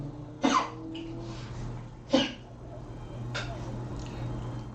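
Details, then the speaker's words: Chronic cough of a small dog aged at least 10, coughing for about a year, cause unknown to the vet: three short, dry, harsh coughs spaced a second or more apart over room hum. "you if you can hear that that that's the dog coughing yeah she's an old lady"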